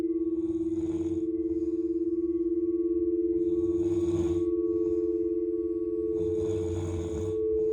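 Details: Three rough, rumbling snores about three seconds apart over a steady ringing singing-bowl drone from a sound bath: snoring.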